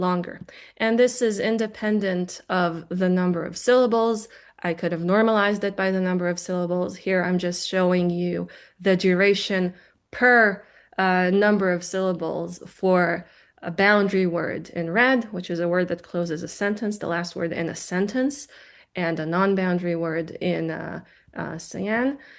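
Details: Adult woman lecturer; no disorder.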